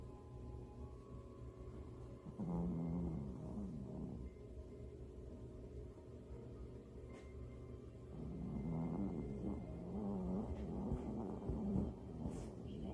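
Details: Cat snoring in deep sleep: soft, low rumbling snores rising and fading with each breath over a steady background hum.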